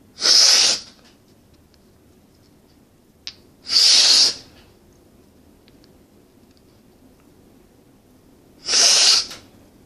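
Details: Self-recorded sneezing induced by inhaling chhinkni (snuff) from a key tip into each nostril and sniffing until tickle built: three loud hissing sneezes a few seconds apart in a quiet room.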